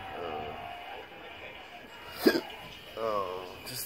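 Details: Adult with persistent intractable hiccups of undetermined cause, with breathing and choking spasms, after a surgery gone bad; hiccups about every 3 seconds. A single sharp, abrupt hiccup stands out between faint voiced sounds.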